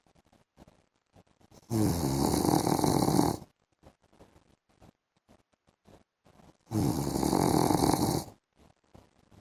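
Two loud, long, rattling snores about five seconds apart, with quiet breathing and small clicks between them. Snoring during sleep.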